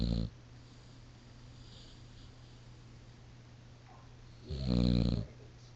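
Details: Loud, deep, rattling snore from Diesel, a dog asleep on a couch; snoring during sleep.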